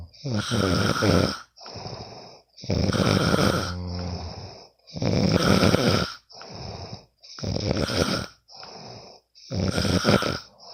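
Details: Loud, regular rattling snores on each breath in with quieter breaths out, about 14 breaths a minute, recorded from a sleeping friend: ordinary snoring during sleep.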